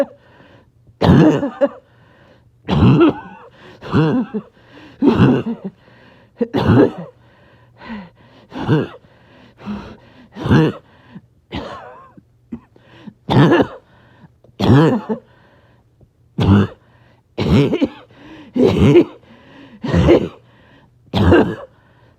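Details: Back-to-back coughing fit in a person who is a little short of breath: a long run of about eighteen forceful coughs in quick succession with brief pauses between them.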